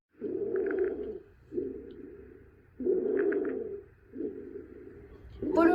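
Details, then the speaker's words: Biphasic stridor: harsh, high-pitched continuous musical crowing on every breath, louder on inhalation, also on exhalation, from airflow through narrowed upper airway, heard best over the neck; stridor. "el siguiente sonido es el estridor Este es un ruido musical continuo de tono y frecuencia altos se produce cuando el flujo de aire pasa a través de una estenosis o estrechamiento de las vias respiratorias superiores"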